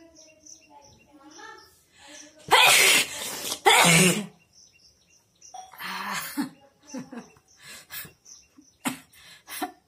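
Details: Two loud, explosive sneezes close together, with quieter breathing and sniffing around them, during a nose-blowing and sneezing challenge.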